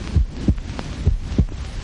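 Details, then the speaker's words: Human heartbeat electrically amplified about a million times in a 1937 film: deep, regular lub-dub thumps at about 100 beats a minute; normal amplified heartbeat. "actually it is the sound of a human heart which science can amplify a million times"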